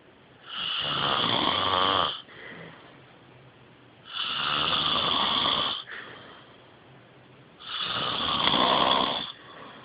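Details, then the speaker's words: Three loud, rough, rattling snores on the in-breath, each followed by a quieter breath out, about 17 breaths a minute, recorded on a phone: heavy snoring. "You should have heard yourself. I just videotaped your snoring."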